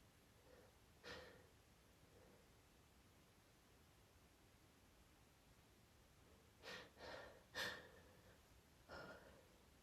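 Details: Woman sniffing scented pine candles she is sensitive to, attempting holdbacks: quiet sharp nasal huffs, single and in a quick cluster of three, over background hiss; stifled, suppressed sneezes.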